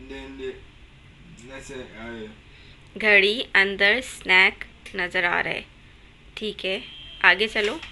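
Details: Adult woman speaking Hindi; therapist speech.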